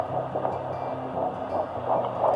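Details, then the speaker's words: Fetal heartbeat on Doppler in pregnancy (second baby), second prenatal appointment after a previous miscarriage: rapid whooshing pulses over a steady hum at 170 beats per minute, found instantly. "that was at my second prenatal appointment and the heartbeat was 170 beats per minute"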